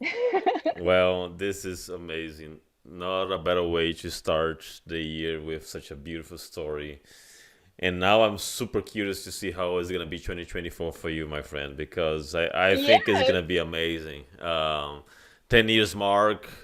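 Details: Adult male speaker; normal speech.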